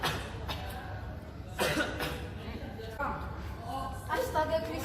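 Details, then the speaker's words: Simulated cough in a student communication role-play: several acted coughs with brief talk around them, imitating a persistent cough; the patient has coughed for a long time, possibly months, and is urged to seek treatment and change lifestyle. "Kau lagi makan-makan kayak gini tau batuk. Ayo berobat, udah berapa lama kau batuk?"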